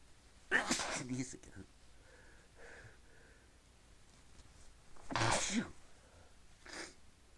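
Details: Two muffled, held-back sneezes with soft breathy noises between them, over quiet room noise; person trying to keep sneezes quiet amid repeated sneezing; stifled sneezes.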